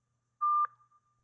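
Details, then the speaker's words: Zenix hospital defibrillator/monitor switched on during the daily readiness check: a single short tonal beep, the audio check of a normal power-on self-test. "Turn on Zenix and verify that the audio beeps,"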